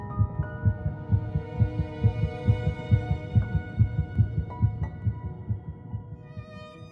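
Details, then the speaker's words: Rapid regular whooshing heartbeat about 136 a minute with soft music, presented as detectable at three weeks and one day (22 days) after fertilization: embryonic heartbeat. "at three weeks in one day just 22 days after fertilization heartbeat can be detected"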